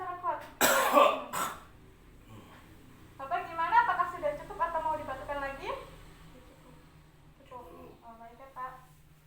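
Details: A forceful deliberate cough burst followed by voiced breathing sounds, demonstrated after deep-breathing training as an effective cough technique to clear the airways: effective cough technique.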